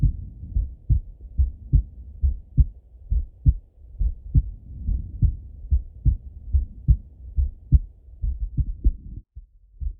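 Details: Full heart auscultation of a male through a stethoscope, recorded either sitting at a desk or lying in bed: regular lub-dub at about 70 beats a minute with no added sounds; normal heart sounds.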